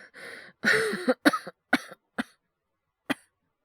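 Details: Acted, scripted coughing by a male voice performer: a throaty exhale and a voiced hacking bout, then four or five short separate coughs.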